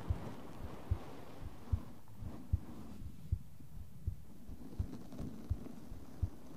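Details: Regular paired low thumps at about 74 beats a minute with faint brushing and tapping noise, recorded as ASMR; normal heartbeat.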